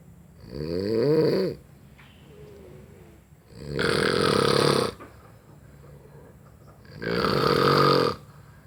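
Three loud, rough, rattling snores on breathing in, with quiet breaths out between; snoring.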